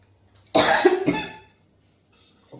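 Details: Cough.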